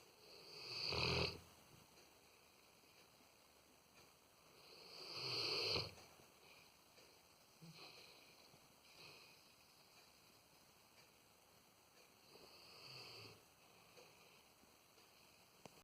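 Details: A pet snores during sleep: soft, wheezy snores every few seconds, fading in and out in a quiet room. Light snoring.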